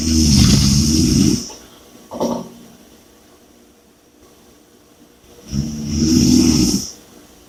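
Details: Two loud, rough, rattling snores on the in-breath, with a quieter out-breath between them; heavy snoring.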